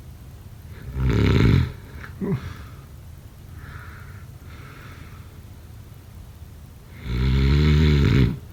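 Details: Typical snoring: two loud, deep rattling snores on inhaling, about six seconds apart, with quieter breathing between.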